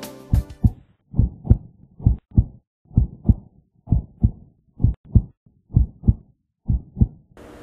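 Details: Normal heart sounds, regular rhythm.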